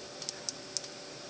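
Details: Infant with Pierre Robin sequence whose mandibular distractors were placed at 9 days old; a nurse turns each distractor one full turn. About five faint, sharp ratchet clicks are heard over steady room hiss as the lower jaw is lengthened.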